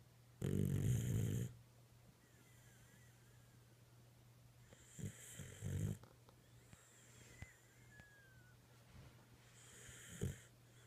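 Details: Sleeping dog snoring: a loud low rattling snore, then softer snuffling snores, with a faint whistle and quiet room noise between them.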